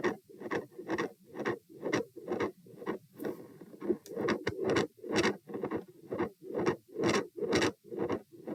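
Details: Stethoscope probe moved through aortic, pulmonary, Erb's, tricuspid, mitral, then aortic areas: rapid regular rough continuous rushing heart sounds, scratchy probe noise; murmur focused at aortic area, extra sound near S2 only there; sound drops on sitting (possible PFO, uncertain).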